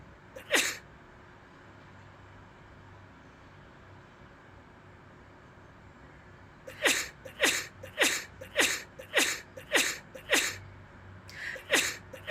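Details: Repeated sneezing: one sharp sneeze, a pause, then a quick run of about eight to nine short sneezes in a row.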